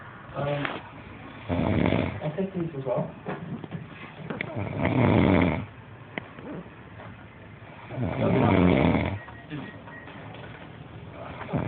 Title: snoring like krazy.3gp